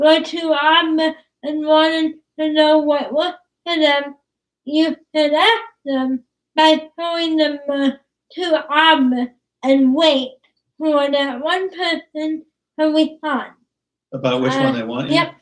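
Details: Dysarthria in a young woman with cerebral palsy; she started talking late, is sometimes hard to understand per her parents, and worked with a speech pathologist on sounds such as plosives.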